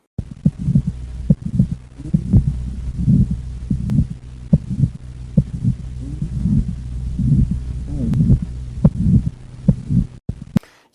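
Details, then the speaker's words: Regular heartbeat near 70 per minute with a harsh rushing murmur between beats: pulmonary (right semilunar) valve stenosis murmur, heard on cardiac auscultation teaching recording. "Agora, vamos tentar perceber então a diferença do som da estenose da válvula pulmonar, ou seja, da válvula semilunar direita."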